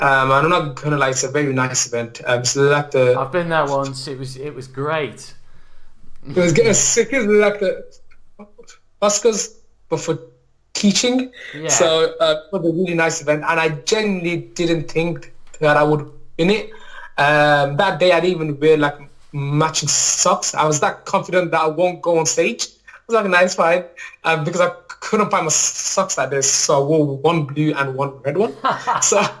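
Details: Adult male maths teacher with a lifelong stammer that mainly blocks on certain words or sounds and is worse when nervous; stuttering (stammering).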